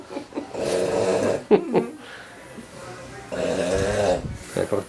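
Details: Loud, rattling snores on two inhalations from a sleeping overweight man, with short snorting sounds and quiet breathing between: snoring.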